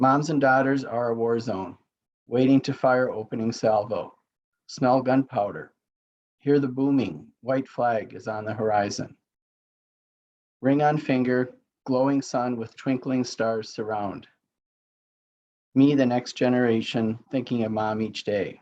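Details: Adult woman poet with aphasia reading her own poem: aphasia.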